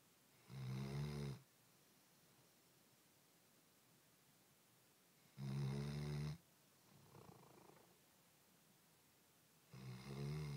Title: Snore!!!_2010_0429